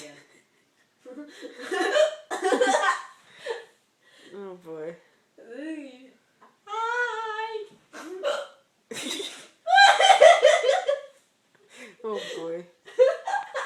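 Abrupt, high-pitched voiced catches recur among vocal sounds, about a dozen over the clip, fitting hiccups.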